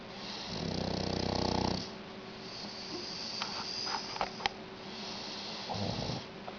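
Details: Shar pei dog snoring during sleep: a long, loud, rumbling snore on the in-breath, then quieter breathing with faint clicks and a second shorter snore.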